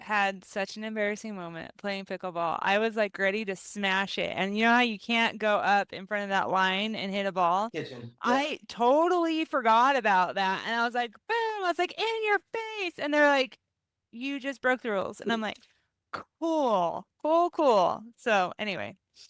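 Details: Adult woman speaking; Normal fluent speech.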